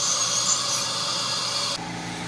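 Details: Ultrasonic scaler cleaning the teeth of a 43-year-old at a dental clinic after a dentist's check: high-pitched steady whine with hissing spray; dental scaler during teeth cleaning.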